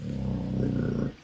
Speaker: Is someone snoring? Well, >> that's a dog. It's a bulldog snore.